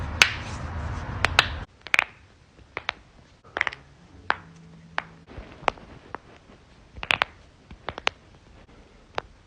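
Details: A brief rustle, then a series of sharp, dry pops and clicks as finger knuckles are cracked; harmless joint cavitation (knuckle cracking).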